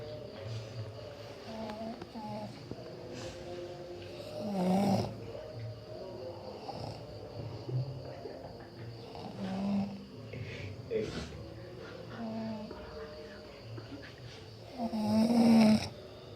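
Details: Snoring: low, rough snoring sounds rising and falling with breathing over steady background noise.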